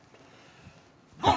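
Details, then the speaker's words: Woman (68 kg, 1.59 m) doing a forced baseline pre-bronchodilator spirometry test; a quiet breath gives way to a sudden loud cough breaking into the forced exhalation, which spoils that attempt. "Esto no se preocupe esto pasa cuando uno hace estas pruebas a veces a forzar los bronquios Cuando hacemos este soplido intenso fuerte"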